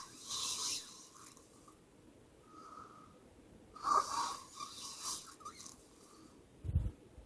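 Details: A sleeping female snoring: rough, rattling breath sounds with noisy inhalations and a snort near the end.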